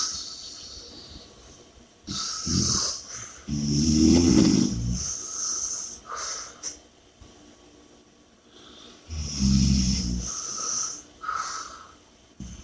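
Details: Snoring: loud, rough snoring and heavy breathing in repeated cycles, with a rattling noise on each breath and some hiss between.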